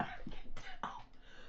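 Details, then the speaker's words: A quick run of about three short, dry coughs from an ill adult who is still not fully recovered. The adult reports a headache with each cough and an upset stomach. "It's a combination of a cough that you can hear, obviously, that I've got,"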